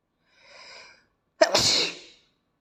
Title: Tickling a cute Asian boy's nose makes him sneeze 🤧